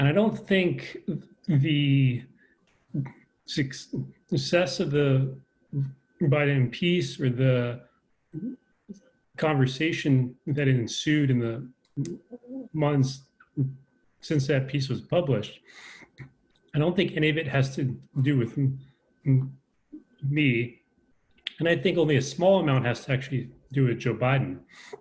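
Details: Adult man with a self-described lifelong stutter, who says he is less fluent over Zoom; stuttering.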